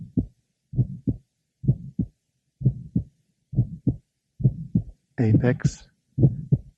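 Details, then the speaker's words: Aortic stenosis: ejection sound plus a third heart sound in addition to the systolic murmur; aortic events well heard at the apex. "ejection sound plus a third sound in addition to the [Music] merma"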